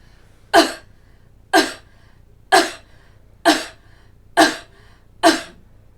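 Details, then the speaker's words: Voluntary cough demonstrated as an airway clearance technique after huffing, to bring up secretions such as in COVID-affected patients: six deliberate, forceful single coughs about one second apart. "जब हम coughing और हफिंग करेंगे तो इसमें से flame निकलेगा, हमने निकालना है, ठीक है।"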